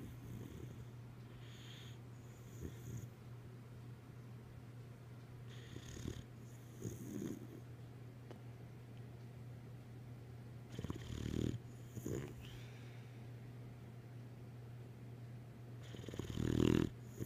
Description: Zoe Lynn the log sawing boxer.